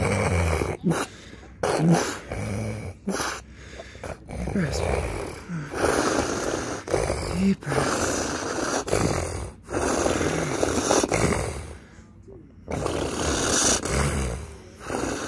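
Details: Loud, irregular snorting and snoring-like breaths with grunts and gaps from an adult man during a severe seizure; he was very sore afterwards.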